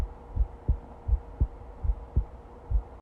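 Steady low thumping in pairs, about 80 beats a minute, with a faint steady hum behind: an ordinary heartbeat.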